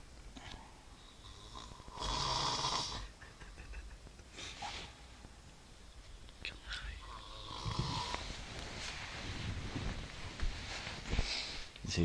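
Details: Two loud, rough snores a few seconds apart, with quieter noisy breathing between them: snoring during calm sleep.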